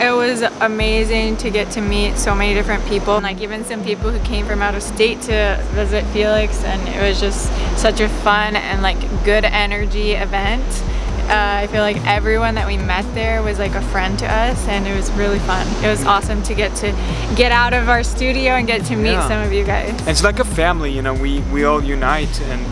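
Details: Adult speaker; normal voice.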